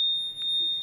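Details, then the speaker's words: Newport HT70 transport ventilator switched off while still sensing a connected patient, off-confirmation accepted: continuous high-pitched alarm beeping until the patient is disconnected. "sürekli alarm verecek hastayı çıkarttığımızda kabul ettiriyoruz cihaza Audi yani alarm susturmadan susturup cihazı kapatmış hale geliyoruz"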